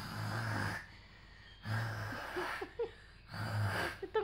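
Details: Child imitating her mother's and father's snoring: three rhythmic, low, rattling snore sounds in quick succession.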